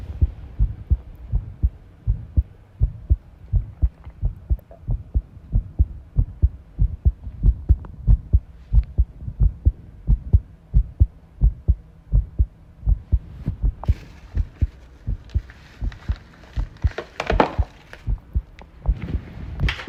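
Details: Heart sounds recorded while tidying a room, arrhythmia noted: low thumps at roughly 90 a minute with uneven spacing, clattering room noise late in the recording; irregular rhythm.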